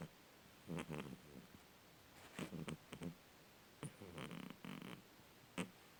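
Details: Sleeping cat snoring: soft, rattling snore bursts with each breath, interrupted by brief clicks and snorts.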